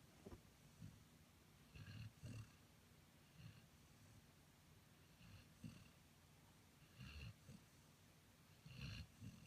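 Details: Soft, low snorting snores in irregular bursts with breathing, against quiet room noise; snoring, recorded 2015.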